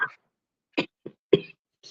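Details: Adult coughing during a live chat: a few short, separate cough bursts over about two seconds with quiet gaps between them.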